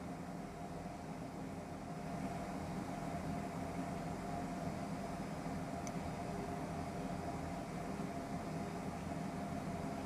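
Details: Automatic upper-arm cuff blood pressure monitor measuring on a seated adult's left arm, palm up, at heart level: steady low motor hum with a faint rattle; reading 129/82.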